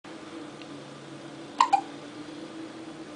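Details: Someone with hiccups: two brief, sharp gulping sounds close together over quiet room noise.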